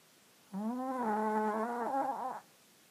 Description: Pogue, chihuahua jack Russell cross, snoring like a deflated balloon.